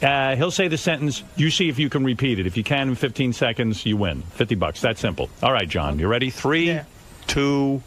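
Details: Adult man; typical speech.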